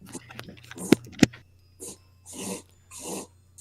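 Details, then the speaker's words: A dog's sneezing fit: repeated sneezes and snorts in quick succession. "It appears my dog has got a sneezing fit. I'm sorry."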